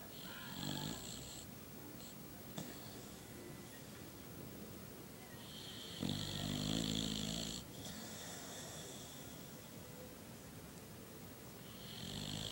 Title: Funny Snoring Dogs